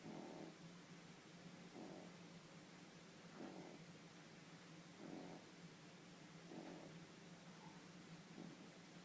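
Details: 12-week-old French Bulldog puppy snoozing: soft, low rumbling bursts about every 1.6 seconds, roughly 37 per minute, over a steady background hum; quiet snoring.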